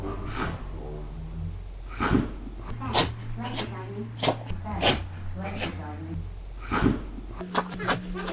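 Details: Small dog with an itchy nose gives about ten short, sharp snorting sneezes in quick succession over steady room hum: a sneezing fit.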